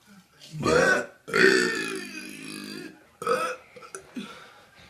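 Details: A person gives several loud, drawn-out voiced belches, one lasting well over a second, then shorter ones; repeated burping.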